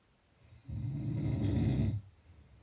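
One long, low, rattling snore on an in-breath lasting just over a second, with quiet breathing before and after.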